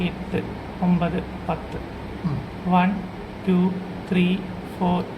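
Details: Male patient presented by an ENT laryngologist as a case of puberphonia, a high falsetto voice persisting after puberty, usually correctable with voice therapy; counting in Malayalam then English; puberphonia.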